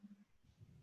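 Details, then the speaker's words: Brief low-pitched snoring rattle in the breathing of an infant with congenital diaphragmatic hernia, recorded during an early outpatient RTA respiratory physiotherapy session with shoulder-girdle stabilization; rhonchi. "nossa se você perceber esse é o primeiro vídeo ele dá para escutar o ronco lá rapidão"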